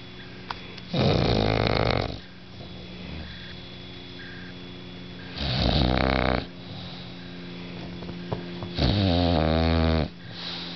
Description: snoring bulldog